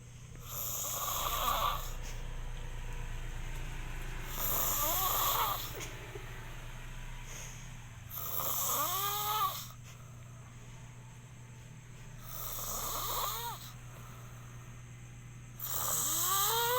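Regular rattling snores about every four seconds, roughly 15 breaths a minute, over a steady low hum; ordinary snoring.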